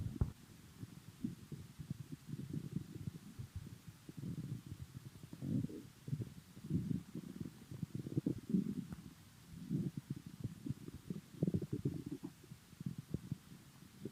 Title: Stomach noises